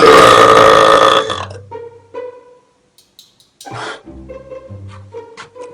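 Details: Loud burping contest between an Australian and an English record-claimant, with claimed belches of 110.6 to 125 decibels: a long, very loud, forceful belch fading into plucked background music.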